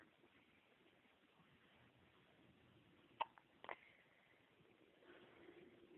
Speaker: Little boy's got hiccups. He's a hiccup monster.